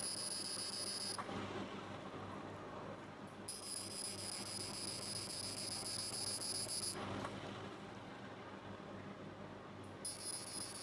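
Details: CO2 fractional laser skin procedure on the face: bursts of high-pitched buzzing lasting a few seconds, alternating with pauses over steady machine noise as the laser fires in passes.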